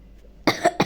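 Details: Cough from a boy playing chess: two quick harsh coughs in close succession in a quiet room, a single brief coughing episode.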